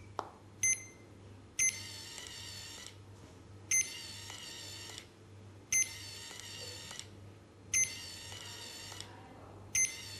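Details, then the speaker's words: Legacy PCA morphine pump for acute pain, purge key held down to purge the tubing: repeating electronic beep bursts about every two seconds (a series of three beeps), with low room hum. "Appuyez sur la touche purge et maintenez la touche enfoncée. Vous entendez alors une série de trois biper s'affiche à l'écran."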